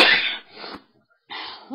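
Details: Adult giving a single loud, explosive sneeze with a hissing burst, followed by quieter breathy sounds, in a recording of big sneezes and nose blowing.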